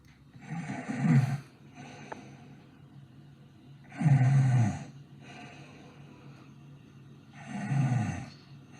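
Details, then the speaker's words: Imitated, simulated snoring sound effect: loud rumbling snores on each in-breath with quieter breathy out-breaths, about 17 a minute. "Okay, okay, chill, fine, I'll snore. Fine, I'll snore."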